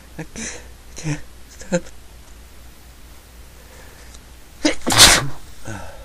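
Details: A run of sneezes: three short sharp bursts, then a loud forceful sneeze near the end, with quiet breathing between; person says they want to stop sneezing. Sneezing.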